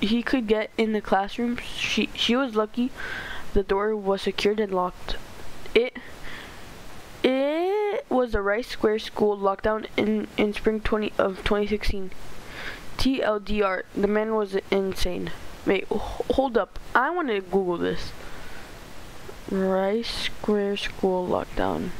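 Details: Stuttering in a male narrator reading a story aloud, who says he stutters a lot and reads poorly.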